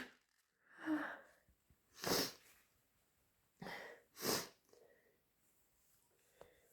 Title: Really intense induced sneezing fit